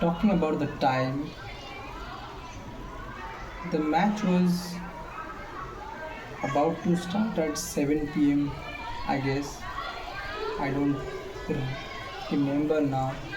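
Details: Male speaker with self-reported stammer involving sound repetitions; stuttering.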